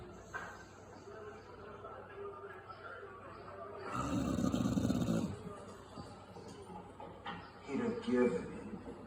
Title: Bulldog Snoring